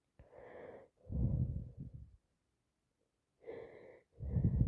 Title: Talking about my cold with loads wet sneezes and sniffs while blowing my nose